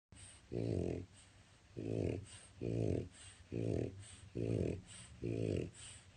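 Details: Loud snoring from a French Bulldog napping in his crate, loud enough to shake the walls, before he is woken.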